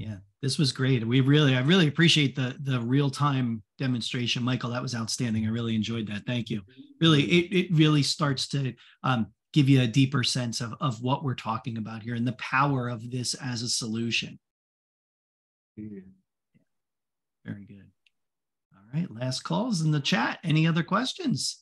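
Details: Adult male speaker; typical speech.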